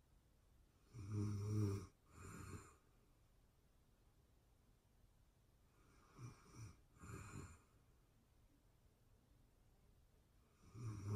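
Quiet snoring with a vibrating inhale and softer breath out, about 12 breaths a minute, in a still room.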